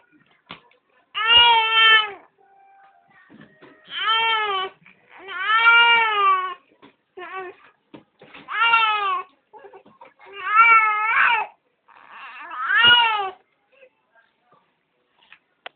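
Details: 2-month-old baby boy crying from hunger while refusing his bottle; repeated loud, tonal wails with short breaths between.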